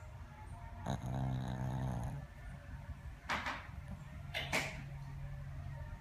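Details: A person snoring loudly while asleep, recorded on video.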